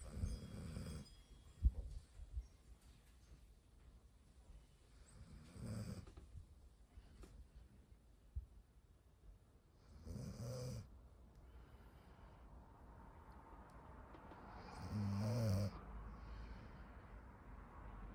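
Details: Golden retriever puppy snoring while asleep for a full minute in soft, low, rumbling bursts, about thirteen breaths a minute; snoring.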